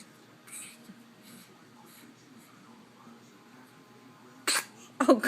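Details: Baby boy with hiccups during a mid-morning feeding: faint breathy sounds, then two abrupt, forceful sneezes close together near the end.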